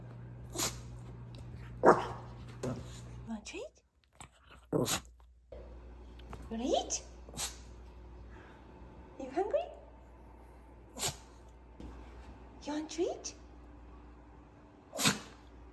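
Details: Small dog, said to communicate by sneezing, responding while offered treats: about eight short, sharp sneezes with a few soft whines between; repeated sneezing.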